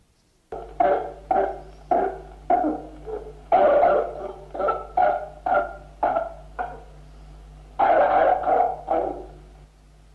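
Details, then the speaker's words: Pertussis (whooping cough), an acute bacterial infection of the trachea and bronchi: a rapid run of about a dozen violent coughs. Whooping cough paroxysm. "los paroxismos se caracterizan por una serie repetida de ataques de tos violenta o quintás porque se decía que cada cinco golpes de todos respiratorios aparecía una inspiración ruidosa y sibilante llamada reprise"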